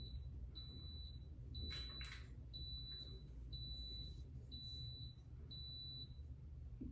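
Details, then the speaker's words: Bone fusion stimulator worn about four weeks after ACDF surgery at C5–C7: the disconnect alarm sounds because the lead is unplugged, with repeated high-pitched electronic beeps about once a second over low room hum. "you can see it's fully charged not plugged in and the alarms going off letting me know it's not plugged in"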